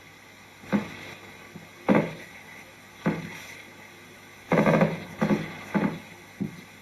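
Brief popping bursts from an EMG speaker recur irregularly, some single and some in close groups of two or three: myokymic discharges.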